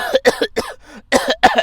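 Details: Cough from a character in a Gujarati comedy sketch, an old man whose health is said to have worsened that morning and who has just come back from the doctor; a staged, acted scene.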